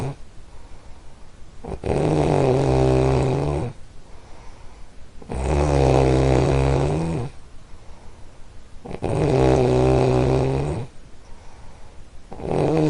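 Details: A household snorer during sleep: loud, steady, droning snores of about two seconds each, roughly 17 a minute, alternating with softer breathy exhales.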